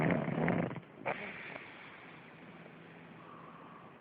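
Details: A loud, rough rattling snore from a sleeping pug, followed by a short snort and then quiet breathing; heavy dog snoring.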